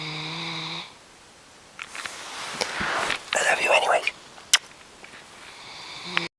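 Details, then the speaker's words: Great Dane snoring while wide awake: rough, noisy breaths with a snoring rattle between stretches of quiet room noise; snoring-type upper airway noise without sleep. "Are you snoring? Are you awake and still snoring? Interesting. Wide awake. Wide awake and still snoring."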